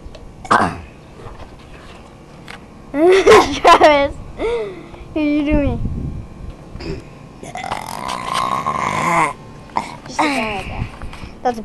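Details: Several loud, long, resonant burps in a row, with a little talk in the room; burping.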